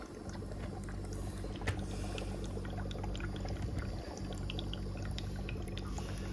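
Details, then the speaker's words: Low steady machine hum with soft bubbling and trickling as a home oxygen concentrator is switched on, running through a humidifier water container filled with distilled or cold water, with nasal cannula; oxygen concentrator humidifier bubbling "And for example, I will turn it on. It's on. It's producing oxygen."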